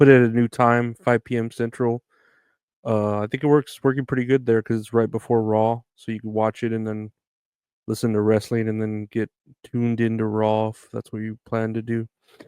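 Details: Adult male speaker, podcast; ordinary speech.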